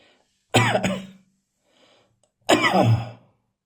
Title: Coughing from accidentally inhaling talcum powder.